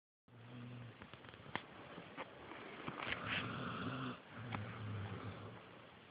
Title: Snoring pitbull Nala